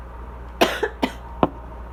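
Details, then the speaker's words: Three or four short, fairly dry cough bursts in quick succession in a quiet room from a person with asthma and allergies, whose cough shifts between dry and congested without clearing: asthma cough. "My problem is that it'll go from pretty dry to like kind of congested, but like the congestion doesn't like move, like it doesn't like, I don't know, like it doesn't like clear itself or anything."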